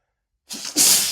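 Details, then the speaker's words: Single sneeze after cooking with lots of black pepper: a sharp inhaled catch, then a loud hissing sneeze burst. Pepper or any spice touching the nose causes instant sneezing and nostril flaring. "And I know it sounds silly and a bit cartoonish, but oh my god, pepper makes me sneeze so much, so much."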